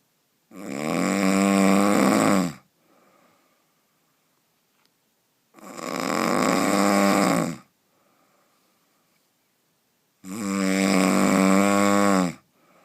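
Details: Heavy snoring: loud, rattling snores, each about two seconds long, roughly twelve a minute with quiet gaps between.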